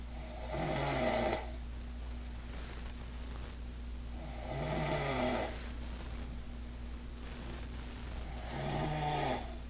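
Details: Sleeping woman snoring after drinking too much alcohol: three loud, rattling inspiratory snores at about 15 breaths a minute, over a steady low background hum.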